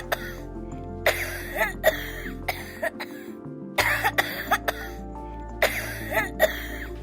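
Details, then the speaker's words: A child's cough that a pediatrician calls dangerous: repeated coughs in short clusters, pushed harder toward the end of each exhalation, most likely from the lower respiratory tract and needing treatment. "да вы слышите как что делает ребенка он пытается под конец выдоха усилить интенсивность своего кошеля это значит что скорее всего это каша связано с нижними дыхательными путями и это уже требует лечения"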